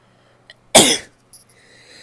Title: sneezes (f)